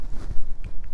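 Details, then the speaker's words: Dull, muffled low thumps from tapping a stethoscope diaphragm after turning the chestpiece, a quick sound check that the side is active before use on a patient. "obviously it's quite loud wouldn't you tap it so just be very careful always a good idea to do a quick little check sound check before you put on your patient"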